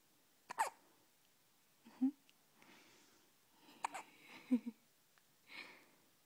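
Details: Hiccups: several short, sharp gulping catches with a brief voiced squeak, about two a minute apart, in a quiet room.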